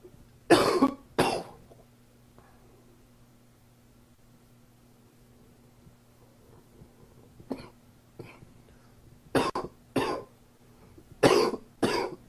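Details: Adult with a summer common cold coughing in short paired bursts, about eight in all, over steady hum; cold cough.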